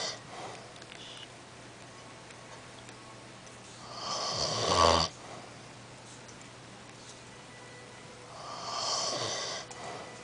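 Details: Grandfather snoring while asleep: two slow, noisy rattling breaths about five seconds apart in a quiet room.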